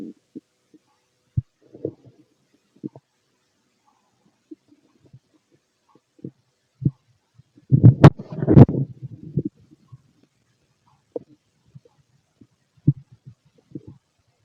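Scattered soft clicks and gurgles with one longer rumbling gurgle midway, ordinary bowel sounds of an empty stomach.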